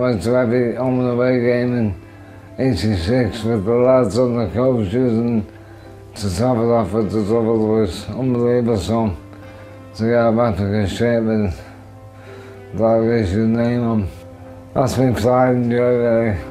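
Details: Adult man with motor neurone disease (ALS) diagnosed about 4 years earlier, affecting his arms, shoulders, chest, throat and voice; weakened throat muscles; dysarthria.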